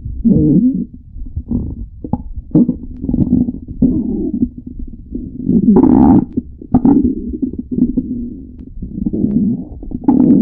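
Loud, continuous low rumbling and gurgling with groaning, moaning swells; typical stomach growling.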